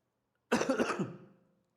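A single short, harsh cough burst fading within about a second, in a quiet room.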